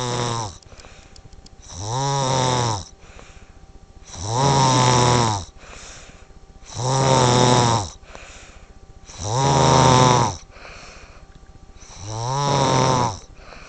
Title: 2009 snoring champion